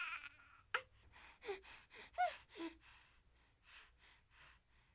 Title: Crying Baby Light Short Sound Effect | Gentle Infant Whimper | No Copyright & Free for Editing